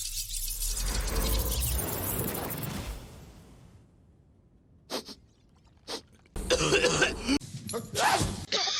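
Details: Acted coughs from a movie-cough supercut: noisy film sound followed by a few short coughs in quick succession.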